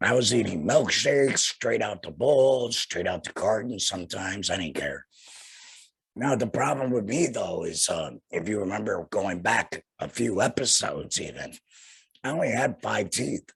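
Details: Tracheoesophageal speech in a young man about two years after total laryngectomy for cancer, followed by radiation, speaking through a vibrating flanged voice prosthesis and breathing through a neck stoma.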